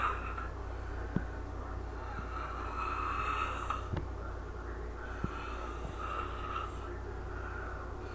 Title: sis snoring